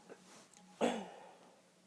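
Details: A single short, muffled burst of air after a faint intake, a deliberately held-back sneeze; stifled sneeze.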